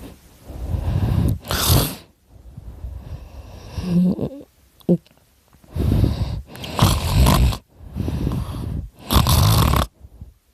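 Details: Snoring during sleep: loud, rough, low breathing noises in uneven bursts, with a brief snort between them.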